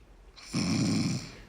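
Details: Comedy sketch in which a woman insists princesses don't snore and is filmed asleep: a single loud, rough, rattling snore on an in-breath, lasting under a second; snoring.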